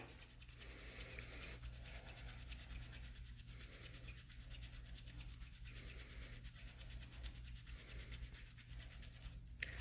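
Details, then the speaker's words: Steady rhythmic rubbing and scratching of a ChloraPrep applicator on a mannequin's arm during the 30-second antiseptic scrub before venipuncture, over a low room hum. "I'm scrubbing, do my 30-second scrub."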